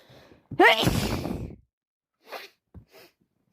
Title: Awful cold constantly sneezing and blowing my nose #badcold